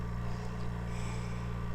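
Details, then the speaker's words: Steady low motor hum with faint rhythmic pulsing as an oxygen concentrator is switched on with the flow set at three liters, its hose feeding an incubator port; oxygen concentrator running. "okay so to turn on your oxygen concentrator you're just gonna press the on and off button"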